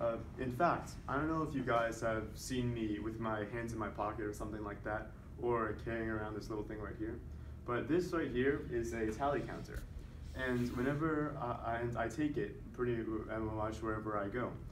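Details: Voluntary (fake) stuttering with prolongations by a man who stutters, deliberately produced and tallied during a presentation on stuttering.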